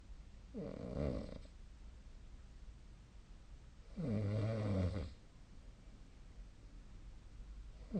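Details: Snoring during sleep, recorded on the night of 2025/02/17 with the SnoreLab snore-tracking app: two low, buzzing snores about three seconds apart, with quiet breathing between them.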